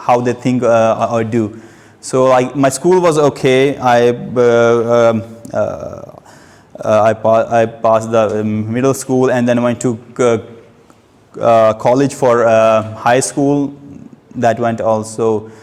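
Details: Adult male who has stammered since age two, giving a speech at a stammering-support public-speaking session; stuttering.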